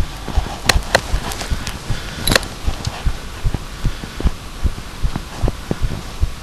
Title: Heartbeat again